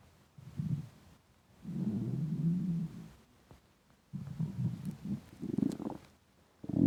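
Low gurgling and rumbling bursts from the belly, some long and growling; loud stomach rumbling with hunger, a normal gut sound.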